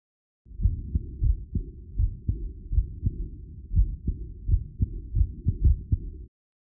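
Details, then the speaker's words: Teaching example of an early diastolic murmur, as from aortic or pulmonary regurgitation: regular heartbeat with a soft murmur starting just after S2 and fading in intensity through diastole. "Early diastolic murmurs occur just after S2 and decrease in intensity as diastily progresses."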